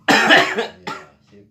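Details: One loud, harsh cough followed by a weaker second cough; a cough described as hard to heal.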